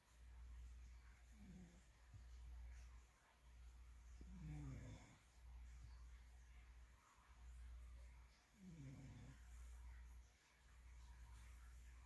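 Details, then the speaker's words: Low, rattling snores on several slow breaths over a steady low hum from a male dog sleeping, tired out after a busy weekend: snoring. "i was laying here and i'm like who is snoring and it's the dog is the dog snoring he's so tired out he's so pooped out"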